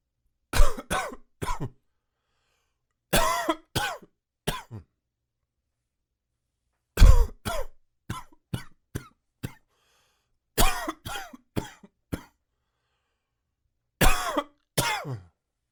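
Repeated short, dry hacking coughs in brief bouts, with quiet gaps between them.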